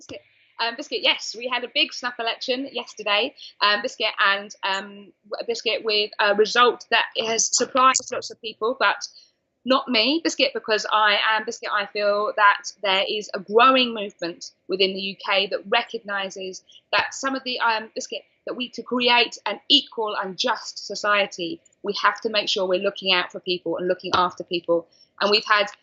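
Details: Adult woman diagnosed with Tourette syndrome at age 20, with involuntary vocal tics such as repeated 'biscuit', 'hedgehog' and 'cat' interrupting her speech; vocal tics (Tourette syndrome).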